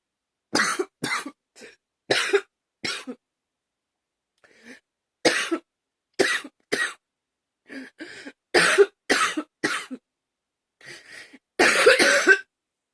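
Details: Repeated forceful coughing in irregular bursts, about sixteen coughs over thirteen seconds, ending in a longer harsh cough, with gagging mentioned; hard coughing.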